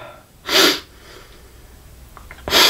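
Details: Two loud, explosive sneezes about two seconds apart, with quiet breathing between, interrupting a flute demonstration of a G minor flute; a recording blooper.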